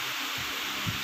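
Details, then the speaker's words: Auscultation at the aortic area, where S2 is louder than S1. Two soft low thumps about half a second apart under a steady hiss: normal first and second heart sounds. "First, I am going to auscultate the aortic area. In aortic area, the S2 is louder than the S1."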